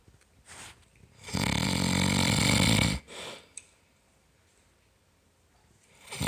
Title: Papa bear snores loud